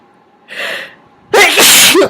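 A drawn-in breath followed by one loud, forceful sneeze with a voiced trailing sound; an ordinary sneeze.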